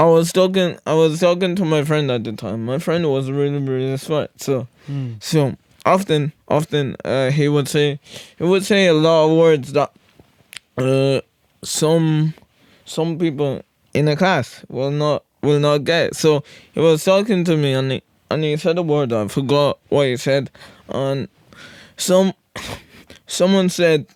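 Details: Stuttering with word and phrase repetitions in a podcast host with cerebral palsy; severe stuttering when younger, treated with speech therapy, and still stutters a lot.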